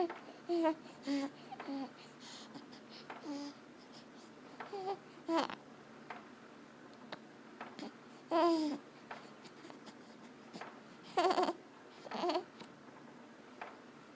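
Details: Sleeping newborn, swaddled at a 30-degree upright angle in a baby swing, with recurring short squeaky, crowing noises on breathing. Inspiratory stridor from laryngomalacia.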